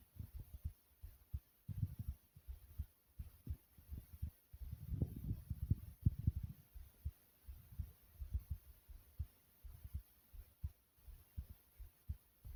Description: My heart beating softly as i was laying down recording this like comment subscribe and enjoy #heartbeat #smooth #resting